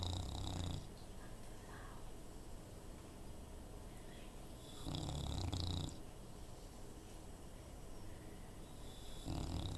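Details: Deep rattling snores about every four to five seconds with quiet breathing between, from a sleeping female bulldog that is sometimes very loud; snoring.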